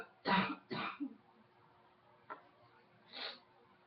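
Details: Two quick coughs in a row, then a small throat sound and one more softer cough in a quiet room.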